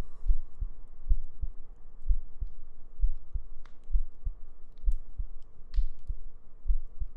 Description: Some heartbeats, gentle breaths and humming for your sleep~ Good night ♡